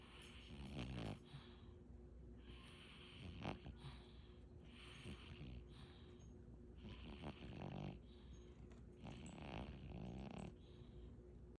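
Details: A fat cat snoring quietly and rhythmically with a faint snort on each breath, about 12 breaths a minute, over steady room hum: ordinary snoring.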